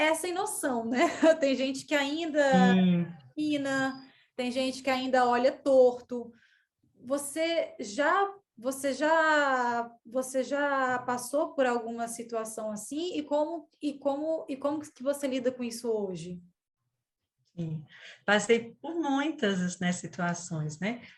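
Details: 37-year-old woman who stutters, onset at age 4, father and brother also stuttered; she calls it a neurobiological speech disorder; stuttering.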